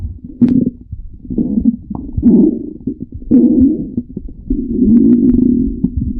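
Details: Marked stomach growling (borborygmi): loud, long gurgling and rumbling bursts with bubbling pops, one after another.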